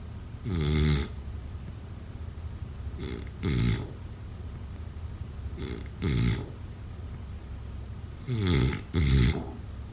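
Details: Snoring during sleep: low, rattling snores about every two to three seconds, often a short snort then a longer rumble.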